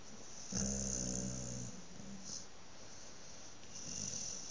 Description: Rex snoring after a good brush